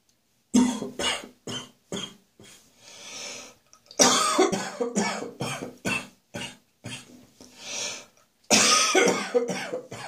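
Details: Adult's rough morning cough after a night of drinking beer: three bouts of harsh, repeated coughing, each trailing into drawn-out retching and gagging; cough with gagging.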